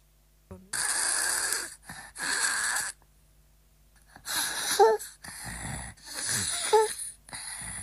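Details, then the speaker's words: Young girl asleep with a blocked nose and open mouth: loud, rough mouth breaths that pause then resume with difficulty; a differential diagnosis often mistaken for snoring with apnoeas. "ouais le nez bouché la bouche ouverte et là ça s'arrête reprise de la respiration assez difficile"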